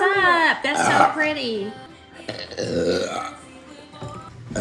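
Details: Burping: long, deep voiced belch with a rumbling, drawn-out tone, followed by a second lower belch, amid room talk.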